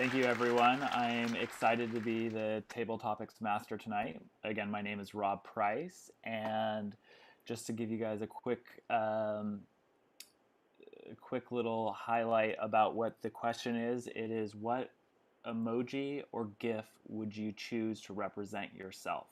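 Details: Adult male speaker; normal speech.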